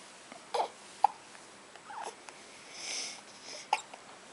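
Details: Baby girl at 2:30 a.m. after a feeding, looking up at her father: a few short, sharp catches of breath with faint baby sounds in a quiet room; infant hiccups.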